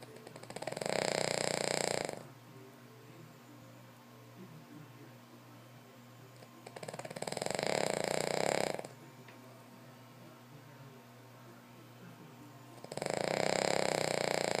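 Three long, loud rasping snores about six seconds apart, with quiet breathing between; ordinary dog snoring.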